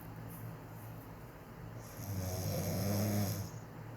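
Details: Wife asleep, who says she doesn't snore, in her quiet snoring: a low, rumbling snore building on the in-breath, with a faint room hum behind it; snoring.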